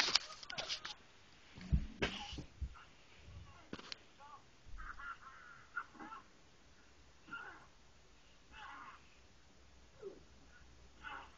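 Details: Cat snoring: soft, raspy, wheezy breath noises repeating about every second and a half, after some early handling bumps.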